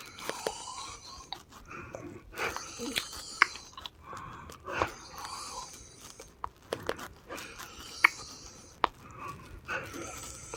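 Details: Repeated noisy breaths with a whistling, musical edge and scattered clicks in a female patient around 1:55 a.m., after her last breathing treatment was already done; noisy breathing with possible wheeze.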